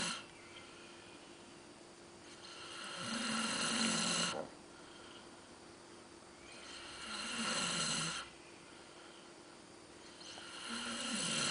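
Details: Snoring from a sleeping person: loud, harsh rattling snores on each breath in, about 16 breaths a minute, with quiet pauses between.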